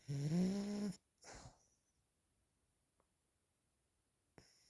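One loud, buzzy, low-pitched snore on breathing in, then a softer breath out and quiet; typical snoring.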